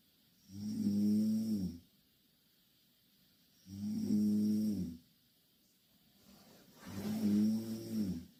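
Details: Two Korean girls sleeping in the same bed, snoring loudly: three loud, rattling, voiced snores on inhalation, roughly 19 a minute, with quiet pauses between; heavy snoring.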